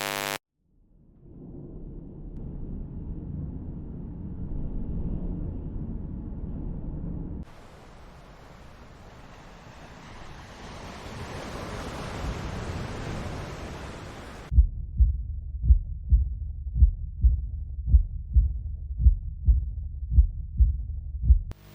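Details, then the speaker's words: Simulated tinnitus demonstrated by an audiologist: a roaring sound with a pulsing beat. She says tinnitus matching the heartbeat is pulsatile tinnitus, possibly from high blood pressure, vascular abnormalities or anemia. "if your tinitus matches your heartbeat this is called puletti tinitus possible causes may be blood vessel issues so high blood pressure or vascular abnormalities can cause this type of thus"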